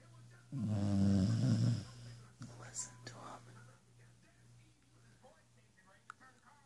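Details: Dog slowly warming up its snore, a single loud, low, rattling snore on the in-breath, then quieter breathing and faint room noise; snoring.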